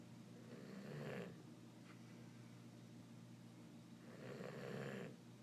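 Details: Sleeping dog snoring: soft, low rumbling snores about every three to four seconds over a steady room hum.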